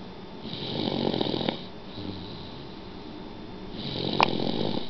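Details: Man who fell asleep at supper snoring: two loud, rough, rattling snores on the in-breath with a quieter breath between; ordinary snoring.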